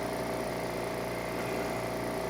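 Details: Steady mechanical hum and continuous motor drone from an AdultLife portable ventilator in pump ventilation mode, delivering about 22 cmH2O inspiratory pressure with PEEP about 5 cmH2O; no breath-cycle pattern evident in this stretch.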